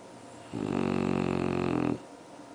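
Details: Bulldog snoring: one loud, buzzing, fluttering snore breath lasting about a second and a half in a quiet room.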